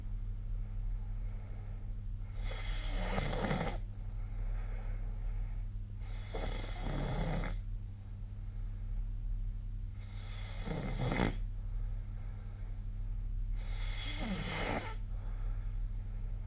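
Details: Snoring during sleep recorded with the SnoreLab snoring app on 15 December 2024: four loud, rough snores about every four seconds, roughly 15 breaths a minute, over a steady low room hum.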